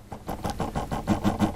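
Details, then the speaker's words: Rapid rhythmic pumping pulses, about six a second, as a ProSim 8 patient simulator pressurises a Philips patient monitor's NIBP system for a one-minute leak test. "you can hear and you can see how the machine is applying the pressure to my monitor"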